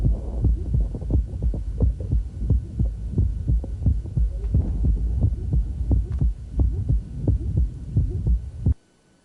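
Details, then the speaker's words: Heartbeat near 88 a minute with a rough systolic squeak that comes and goes as the male patient performs handgrip: systolic murmur of hypertrophic cardiomyopathy. "there it comes on and it's gone coming back you hear that kind of Schmid systolic squeak"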